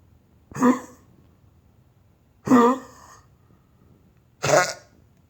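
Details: Three harsh, separate hacking coughs from a dog, each a short rough burst followed by quiet: hacking cough.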